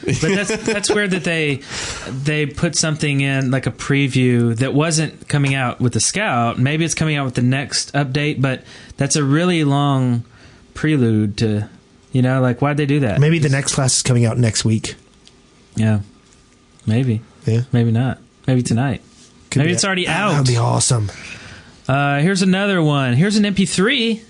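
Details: Adult male speaker; Normal voice.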